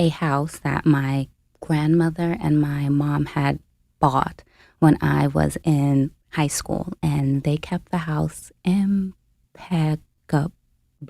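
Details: Stuttering in an adult woman, a caregiver who became full-time at 29, who self-reports having a stutter in conversational speech.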